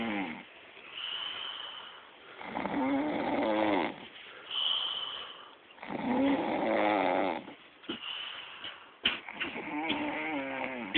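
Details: Young woman snoring while asleep, recorded by a friend: loud, rough, rattling snores on each inhalation, quieter exhalations, about 17 breaths a minute.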